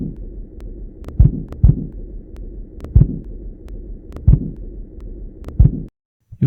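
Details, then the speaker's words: Irregular dull thuds, several in pairs, over a steady rushing hum: Korotkoff sounds heard as the BP cuff is lowered from above systolic, demonstrating pulsus paradoxus (as in cardiac tamponade). "so when you start lowering the blood pressure you will start to hear corroded cough sounds"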